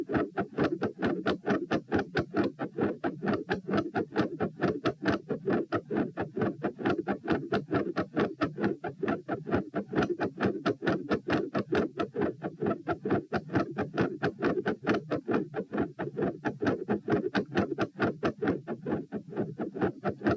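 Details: Heart sounds recorded at position P while standing, at 132 bpm, reproducing feeling unwell and like dropping after 5–10 minutes standing; fast regular beats with extra sounds and murmur between beats, changing patterns, escalating loudness; tachycardia with third heart sound, fixed split S2 and murmur.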